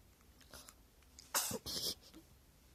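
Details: Newborn baby sneezing: two quick, high, hissing sneeze bursts in a quiet room.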